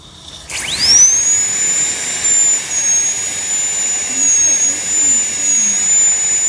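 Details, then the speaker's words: High-speed dental handpiece cutting tooth #46 on a phantom head for a full metal crown: high-pitched steady whine spinning up with faint water-spray hiss, bur parallel to the long axis, thin enamel layer remaining. "See, first make a small straight line. And then just go slowly and keep the burr parallel to the long axis."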